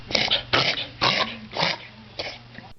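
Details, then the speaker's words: A dog's reverse sneezing episode: five rapid, harsh snorting inhalations in a row, with gagging movements as if something is stuck in the throat. "you find your dog making strange snorting sounds with funny gagging movements, almost as if something is stuck in his"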